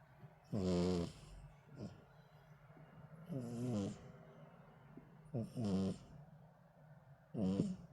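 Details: Rescued male street cat sleeping at home: four loud, rattling, voiced snores, each on a breath in, with quiet gaps between; snoring.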